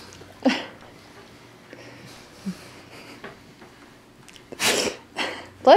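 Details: Great Pyrenees puppy sneezing: several short explosive nasal bursts with sniffing between them, in a quiet room; repeated sneezes.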